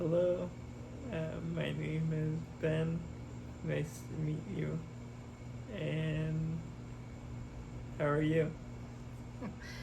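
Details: Expressive aphasia with oral apraxia and right-sided paralysis in a young man after a hemorrhagic stroke at age 27, recorded July 2024 after intensive speech therapy programs.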